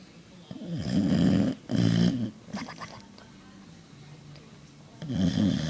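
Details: Deep, rattling, snorting snores from a sleeping Boxer dog, two close together then another after a pause; snoring.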